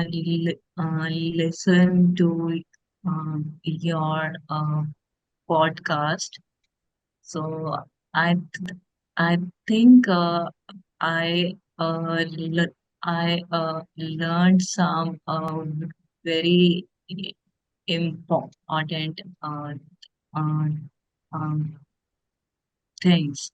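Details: Stammering (stuttering) in an adult woman, with heavy repetitions and fillers.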